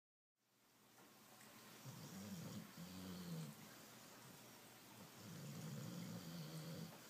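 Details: Dog, about 12 years old, rescued Border Collie crossbreed with recurrent pancreatitis, snoring while sleeping: low rumbling, droning breaths with a rough rattling quality during inhalation; snoring.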